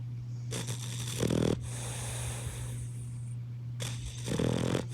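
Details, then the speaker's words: Sleeping boxer puppy snoring: two snoring sounds with a harsh, rattling snort on each breath over a steady low hum, likened to an old man's snoring; snoring. "Snores like an old man."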